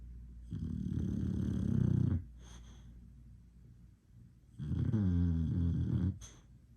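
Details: An English Bulldog snoring: two long, loud, low rattling snores separated by quieter breathing; typical flat-faced dog snoring.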